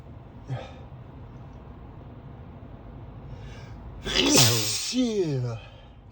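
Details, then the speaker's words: Driver commuting to work with sneezing despite daily morning medication; a sharp sniff and in-breath, then one loud sneeze trailing into a voiced groan, over steady car noise. "I take my meds every morning, but sometimes they decide not to work for some reason. >> [clears throat] >> And this is the result. [snorts] Stop sneezing."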